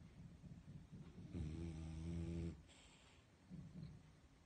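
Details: Calm, comfortable sleeping dog snoring: a long, low, vibrating inspiratory snore followed by quieter breathing sounds.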